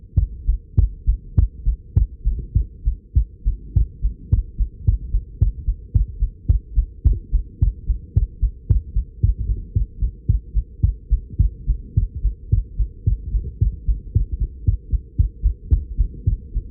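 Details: Own heartbeat recorded while nervous, not dizzy: a fast, strong, regular, hard-pounding beat of about 105 a minute, which slowed to 95 after recording. Tachycardia.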